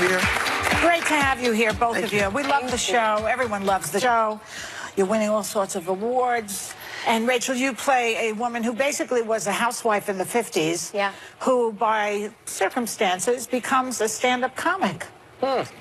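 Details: Adult woman speaking; normal speech.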